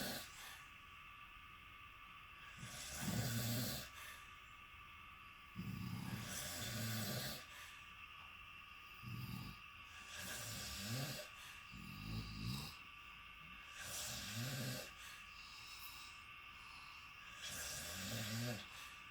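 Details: Travel companion snoring in a shared hotel room: loud, rattling inhaled snores about 16 per minute, irregular in strength, with quiet breathing between and steady room hum; snoring.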